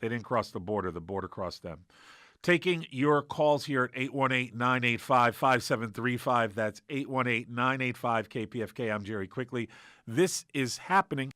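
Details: Adult male; normal voice.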